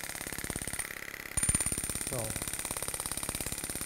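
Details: Storz Medical Spine-Actor transmitter on a radial shockwave device treating paravertebral muscles, trigger points, muscular imbalance and pain; rapid regular clicking pulses, about 200 per minute, brief pause, then louder pulses.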